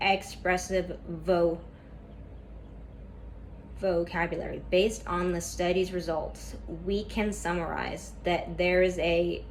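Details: Stuttering in a woman reading a class PowerPoint presentation aloud; she describes a lot of tension at first that eases as the reading goes on.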